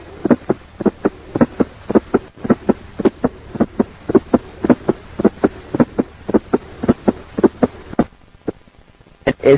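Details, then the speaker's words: S4 gallop (atrial gallop) with a fast heart rate: a sound from atrial systole occurring before the first heart sound. "If the heart rate is fast, an S4 gallop or atrial gallop will be"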